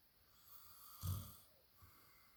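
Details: Husband snoring: a single low, rumbling snore on one breath against quiet room noise.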